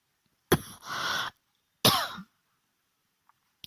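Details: Adult woman with flu, cough and runny nose, apologising while speaking: two abrupt, harsh coughs in a quiet room, the first trailing into a longer rasping exhalation.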